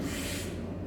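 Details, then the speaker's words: Spoken imitation of the continuous machinery (Gibson) murmur of patent ductus arteriosus, with late-systolic reinforcement and no separation of systole from diastole: a brief, unbroken whooshing hiss without distinct beats. "Entonces hay algo que ellos hablan del soplo de Gilson. El soplo de Gilson dice soplo continuo, refuerzo telesistólico."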